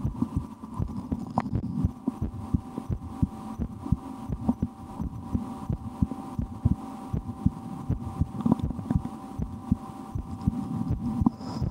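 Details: Adult's own heartbeat through a stethoscope in an ASMR recording, with breath-holding and a game to speed the rate, and loud digestion after lunch; regular thudding beats over a low hum and light rustle; normal heart sounds.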